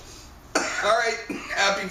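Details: Two harsh, voiced cough bursts from an adult at home, an irritant cough right after inhaling a dab of honey oil (cannabis concentrate) from a water pipe.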